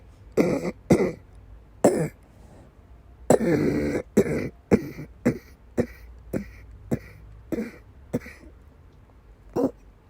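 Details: Repeated harsh coughs with throat clearing, about a dozen bursts in ten seconds; persistent coughing episode in a woman with persistent asthma attacks and migraine-cluster headache complex, with vomiting.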